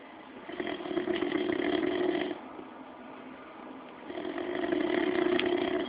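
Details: Sleeping father snoring while family teases him: two long, rough, buzzing snores on inhalation about 3.5 seconds apart, quiet breaths out between; ordinary snoring.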